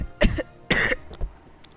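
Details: Girl coughing: a cough, then a longer cough and throat clearing, with a soft final catch; a short bout of coughing.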